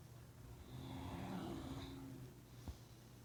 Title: Tango snoring